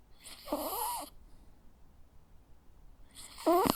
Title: Sounds of a Jack Russell dog snoring. Cute sleeping and snoring sounds.